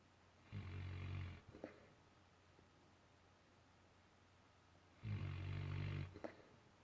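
Two low rumbling snores on in-breaths, about five seconds apart, in a quiet room: a sleeping dog snoring.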